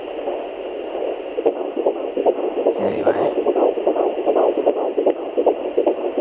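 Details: Fetal Doppler at 13 weeks plus 5 days of pregnancy. Fast, regular, whooshing galloping beats at about 150 per minute, a normal fetal heartbeat.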